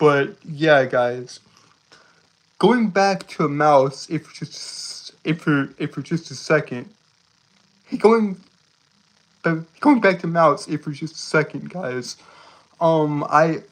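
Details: Male streamer with a self-described speech impediment, calling himself stuttery and jittery, repeating words and part-phrases: stuttering-like disfluency.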